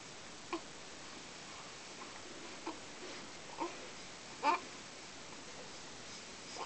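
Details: Infant hiccups: four brief, abrupt vocal catches at irregular intervals over about seven seconds in a quiet room.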